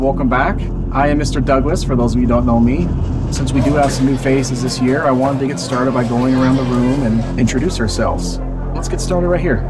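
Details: Adult male speaker, acted; typical speech.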